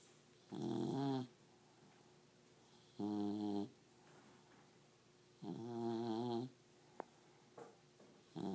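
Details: Snoring in a sleeping beagle: rhythmic, tonal snores roughly every two and a half seconds, about 24 a minute, with quiet gaps between.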